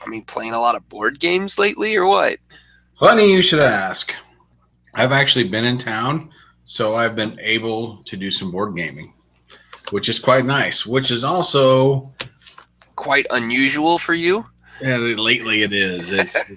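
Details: Adult men in conversation, likely two speakers; normal conversational speech.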